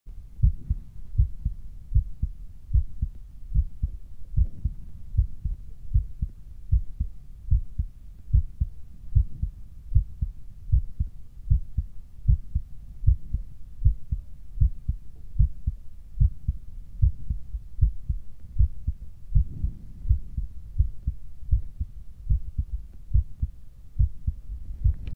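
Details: Steady, regular low heart thumps at about 77 beats a minute, a normal adult heartbeat.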